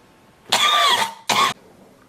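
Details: Two harsh coughs from an adult, the first longer with a slightly wheezy, rasping tail, the second short and sharp, in a quiet room; cough.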